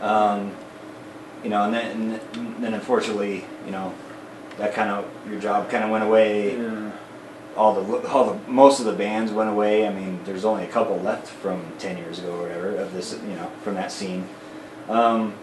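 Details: Man of about 40 with Friedreich's ataxia who uses an electric wheelchair; voice declined over 10-12 years, talking much harder over the last 6 months or so; ataxic dysarthria.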